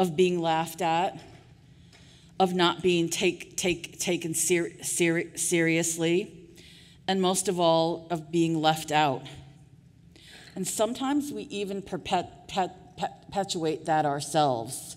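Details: Adult woman with real stuttering speaking at a 2023 stuttering association conference keynote; audible part-word repetitions; stuttering.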